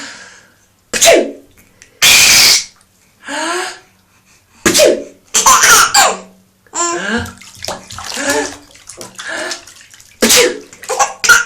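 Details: Adult father sneezing: one loud, explosive sneeze burst, followed by his young daughter's giggles and chatter in a small room.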